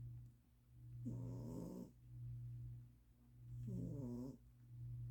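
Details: Two slow, buzzing snoring breaths from a sleeping cat over a steady low hum, about 24 breaths a minute: snoring.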